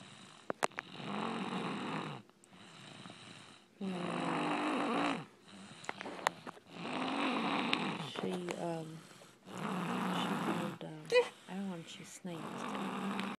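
Steady rumbling snores, about five breath cycles in thirteen seconds, with occasional clicks and background noise; ordinary snoring.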